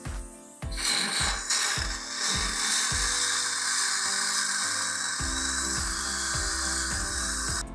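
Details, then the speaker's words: Steady hissing dental suction with gurgling and clattering as a patient's mouth is rinsed of polishing grit after coronal polish during a routine dental cleaning. "It's going to be kind of messy, so we're just going to grab our suction and we're going to give them a rinse. It would be helpful if I turn the suction on."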